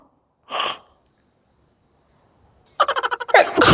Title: 🤤10 min long SNEEZING CHALLENGE WITH ORIGINAL SOUND🤧#originalsneezingchallenge#funnychallenge😁🤢